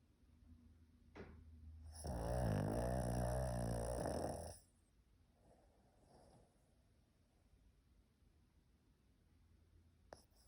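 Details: Pug dog snoring in sleep: one loud, rattling, buzzy snore lasting about two seconds, then quiet breathing.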